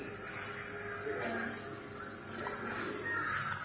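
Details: Young twin child with a cough and cold receiving nebulizer treatment through a mask: a steady high-pitched hiss with faint voices behind it.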